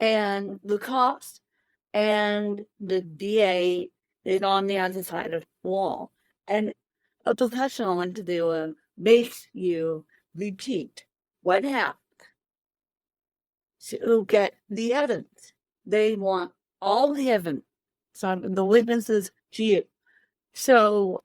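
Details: Dysarthria in an adult woman with cerebral palsy present from birth, born 13 weeks premature weighing one pound thirteen ounces; real, not acted.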